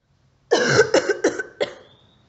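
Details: Four short, rough coughs in quick succession, fading toward the end, from a stock sound-effect recording.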